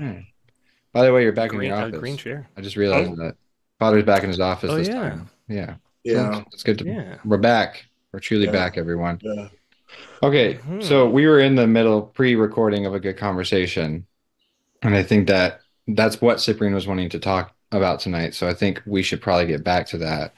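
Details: Adult male speaker; normal voice.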